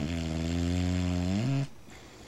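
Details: Female dog napping on a cold morning: one long, loud, deep buzzing snore rising slightly at the end, then quiet; snoring.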